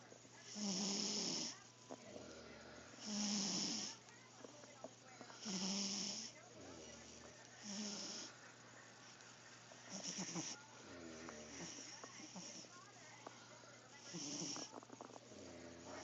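Regular wheezy, whistling snores about every two to three seconds with a faint low hum behind; a sleeping cat snoring, harmless.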